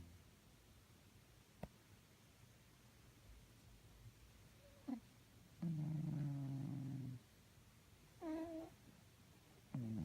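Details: Sleeping cat snoring: soft irregular snores and snorting noises with a few rattly breaths over quiet room noise.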